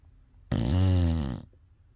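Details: English bulldog snoring: one loud, low, buzzing snore lasting about a second.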